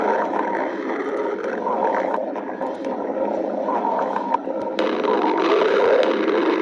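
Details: Stomach growling (borborygmi): a continuous low gurgling rumble with shifting pitch.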